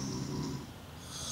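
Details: A brief, tonal, high-pitched snore bursts out after quiet breathing from a sleeping adult man monitored overnight in a sleep clinic; snoring.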